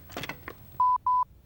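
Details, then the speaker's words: LIFEPAK CR Plus AED demonstration, on/off button pressed: two short, clear beeps, the power-on tone before voice prompts begin; AED power-on tone. "Set the life pack AED on the same side of the patient as you. Press the onoff button."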